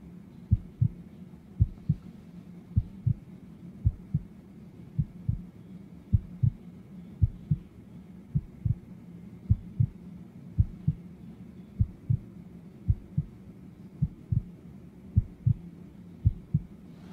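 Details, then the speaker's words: Stethoscope heart sounds during a role-play (ASMR) doctor's exam: steady, regular paired sounds at about 54 beats a minute, with no murmurs, gallops or rubs. Normal heart sounds. "Your heart sounds entirely normal and I don't hear any murmurs, gallops, or rubs."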